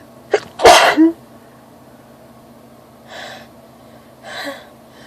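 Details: Allergy-related sneezing attack with itchy, watering eyes: a sharp inhaled catch, then one loud explosive sneeze, followed by two softer breathy sounds over a faint steady hum.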